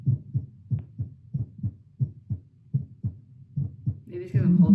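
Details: Normal heart sounds through a Littmann CORE stethoscope after a 10-squat exercise test with pulse oximeter. Regular paired beats at about 145 per minute, ending in a brief noise; a fast heartbeat after exercise.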